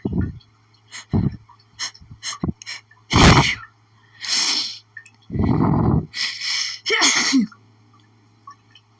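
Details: Adult with an itchy, pollen-triggered sneezing fit: rapid repeated forceful sneezes with sharp inward gasps between them, strong enough to cause doubling over.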